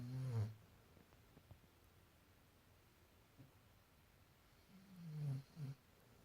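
Two low, rumbling snores separated by a quiet pause, from a sleeping puppy.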